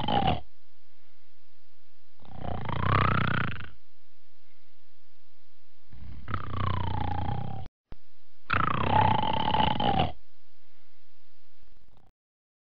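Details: A dog napping gives four deep, rumbling, grunting snores, each lasting one to two seconds with pauses between them. They are loud enough to distort the recording.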